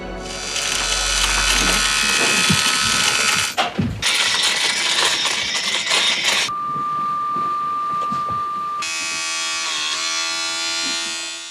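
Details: Simulated tinnitus made by a foley artist to recreate real sufferers' sounds: layered hissing and buzzing, then a steady high pure tone, then a harsh tonal whine.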